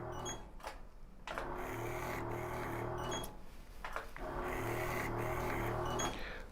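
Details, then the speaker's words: Digital micro-needle injector operating in a live hyaluronic acid skin demonstration on a 27-year-old woman, multi-pin needle on skin with negative pressure: mechanical whirring with rapid, fairly regular pulsing about four a second, faint room noise. "if you put the 19 MTI needles on H skin surface and then press the full switch we can't see anything on our skin"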